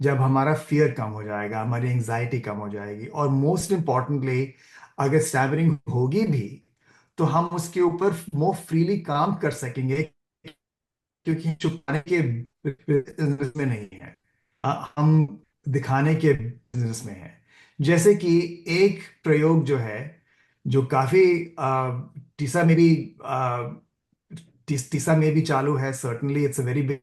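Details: Adult man who says he stammers, co-leading a session of a self-help group for people who stammer; stammering (stuttering).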